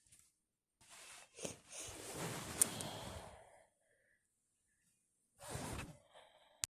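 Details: Wet, messy sneeze attack: two loud, wet, spraying sneeze bursts, each preceded by a sharp intake of breath; repeated sneezing.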